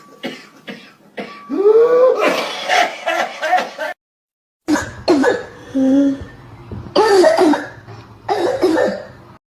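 Two runs of harsh coughs with throat clearing and voiced, strained sounds between them; a repeated adult cough.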